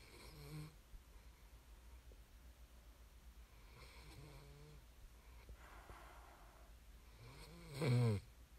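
Quiet room with a few low, rattling snores spaced several seconds apart, the last one louder; snoring in sleep.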